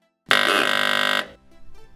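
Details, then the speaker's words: Atos Medical electrolarynx that keeps vibrating after the power button is released: steady rough mechanical buzz about a second, then stops; continuous electrolarynx buzz from sticking button. "if you are experiencing issues where the device continues to vibrate after letting go of the power button"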